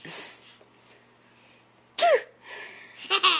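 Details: A single sharp, fake sneeze by a father, followed by laughter from his 11-month-old baby in a quiet room.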